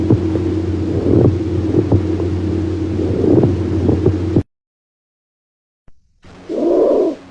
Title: abnormal sounds of heart🫀🩺👩‍🏫 #cardiology #medicalsurgicalnursing #bscnursing #likeandsubscribe